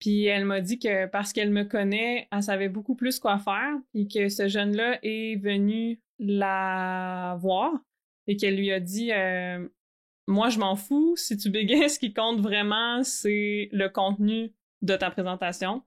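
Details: Adult woman who stutters, also has ADHD, and has undergone speech-language therapy; stuttering.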